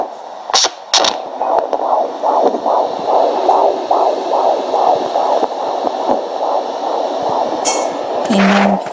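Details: Home fetal Doppler on a 35-year-old woman 18 weeks pregnant with her first child, a boy, no fetal movement felt yet: rapid, regular whooshing fetal heartbeat at about 145 beats a minute.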